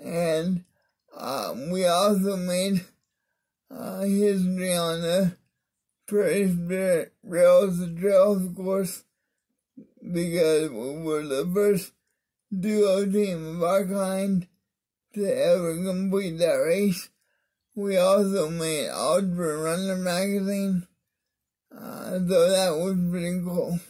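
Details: Adult man with cerebral palsy (spastic diplegia affecting arms and legs) whose voice differs because of it; mild dysarthria.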